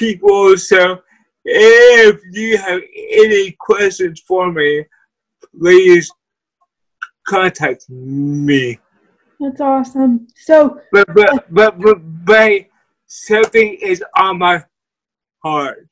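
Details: Dysarthria from cerebral palsy in a guest who uses a wheelchair.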